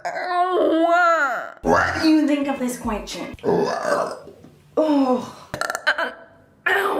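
Several drawn-out voiced burps with sliding pitch and brief vocal sounds between them, in a small room.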